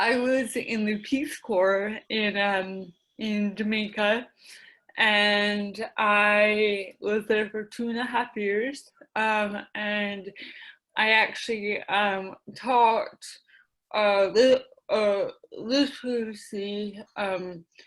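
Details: Adult woman with mild cerebral palsy affecting her speech, the right side of her face and the right side of her body, with a self-described speech impediment and ADD; dysarthria (cerebral palsy).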